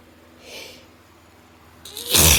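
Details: A sneeze during intense autumn allergy sneezing: a faint sharp in-breath, a pause, then a loud explosive sneeze.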